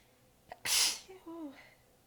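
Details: A brief catch of breath, then one sharp, partly held-back sneeze and a soft, tired vocal sound, a single sneeze from a prolonged fit; the sneezer was exhausted with sore abs and biting sneezes back.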